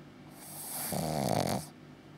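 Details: Six-month-old Pug-Shih Tzu cross puppy snoring: a single rattling, fluttering inspiratory snore with a short hiss around it.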